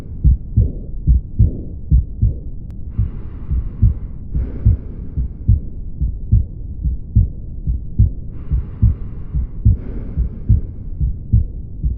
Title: heart sounds